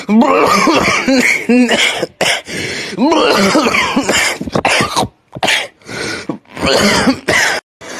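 Bouts of loud, forceful coughing mixed with throat clearing and voiced groans, repeated throughout in a small room.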